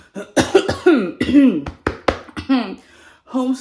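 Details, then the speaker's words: Adult woman who is very sick, with her voice affected, back home after a difficult walk on day 11 of her vlogs: a run of short, harsh coughs mixed with voiced throat clearing. "Aujourd'hui, on va boire du sirop. parce [grognement] qu'aujourd'hui on est malade. On est très malade."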